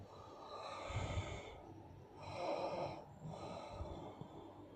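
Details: Sleeping person snorting: three rough, airy snorting breaths in a row, noisy and irregular, with little steady buzzing tone.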